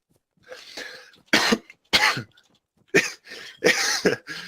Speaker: Every time I cough, I hiccup. Every time I cough, I hiccup.